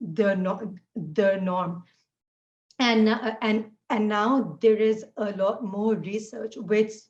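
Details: Adult woman who stutters, noting fasting and poor sleep take a toll on her speech; stuttering.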